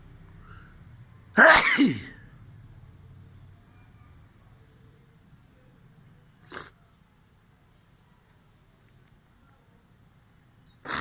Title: Sneezing challenge #shorts